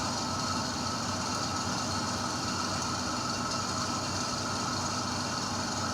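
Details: Continuous droning motor and steady hiss of a suction machine as its suction pressure is tested before airway suctioning of a patient, in an Indonesian nursing procedure demonstration.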